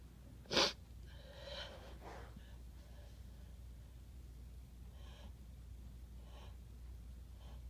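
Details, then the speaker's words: A single forceful, explosive sneeze after the person announces the sneeze is coming, followed by quieter breathy sounds and faint sniffs. "Oh, I gotta sneeze. Oh."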